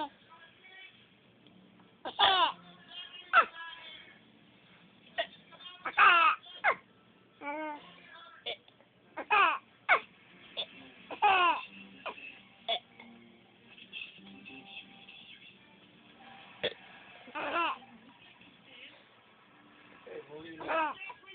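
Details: Infant boy giving intermittent short fussy cries and babbling with pauses between, while the father burps: infant cry.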